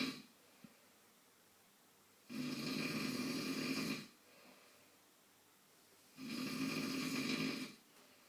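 Loud, rough snoring on each breath in, about two snores over eight seconds with quiet breathing between, roughly 15 breaths a minute.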